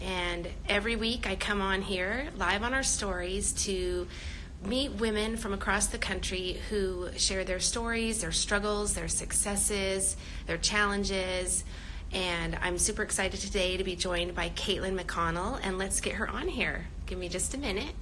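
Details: Adult woman speaking; normal speech.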